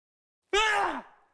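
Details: A brief voiced moan with falling pitch and a breathy trailing end: wordless sleep talking (somniloquy).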